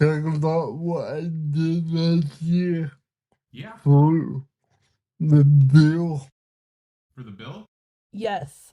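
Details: Man with cerebral palsy, speaking in a real conversation; dysarthria (cerebral palsy).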